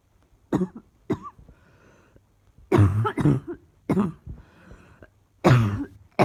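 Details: Persistent cough.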